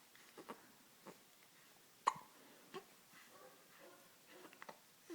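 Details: One-month-old baby with hiccups: soft, brief, abrupt catches of breath recurring at irregular intervals in a quiet room.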